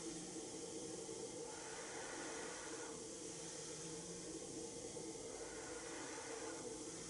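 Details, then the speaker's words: CPAP running at 12 cm H2O through a Philips Respironics Pico nasal mask during a fitting demonstration: steady airy hiss of pressurized air rising and falling slightly as the wearer breathes; normal CPAP flow. "I'm going to be testing this at 12 centimeters of water pressure. And go."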